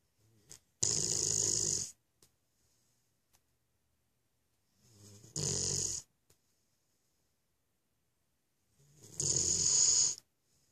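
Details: Three harsh, hissing, rattly snoring breaths roughly every four to five seconds, silent between them; snoring in a sleeping animal.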